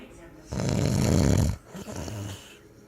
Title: snoring